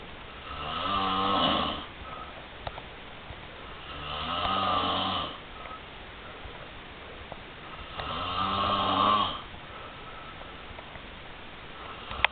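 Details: Male roommate snoring: three loud, rattling snores on the in-breath, about one every four seconds, separated by quiet exhalation; ordinary snoring.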